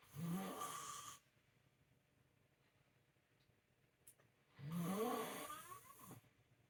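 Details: A woman snoring at 5:25 a.m., two loud, rough inhaled snores separated by a quiet pause; she doesn't believe she snores, but it woke her partner.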